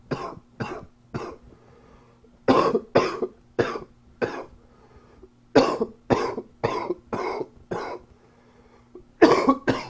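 Repeated harsh coughs in four bouts of two to five, about fourteen in all, with a faint steady hum between them: an adult's coughing fits.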